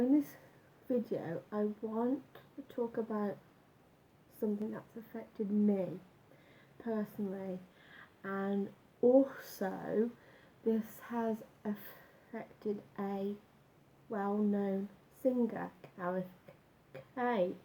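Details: Adult man with a stammer since about age nine after school bullying, much worse when younger, now slight; had breathing-focused speech therapy and still practises the techniques; stuttering (stammer).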